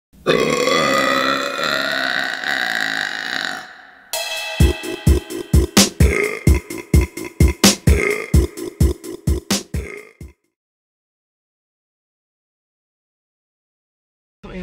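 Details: A burping compilation from a woman: one long, loud, drawn-out belch, then a rapid run of about twenty short belches, with music underneath.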